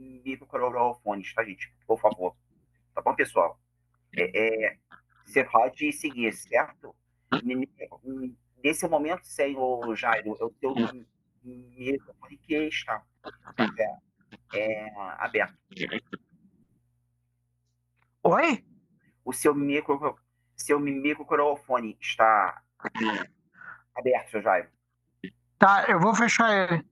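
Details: 22-year-old man who stutters, a psychology student, speaking Portuguese; stuttering.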